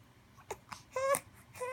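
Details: 7-week-old baby: a few soft catches of breath, then a brief whimpering cry in a quiet room; infant fussing cry.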